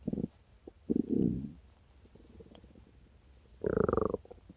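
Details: Several loud growling, gurgling stomach rumbles with quiet gaps between, after breakfast; ordinary post-meal borborygmi.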